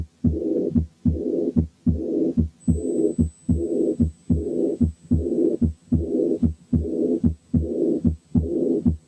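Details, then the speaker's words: Aortic regurgitation: regular heartbeat at about 74 a minute with a soft blowing early diastolic murmur after each second sound. "وبعدين نسمع حالة aortic regurgitation فيها early diastolic murmur."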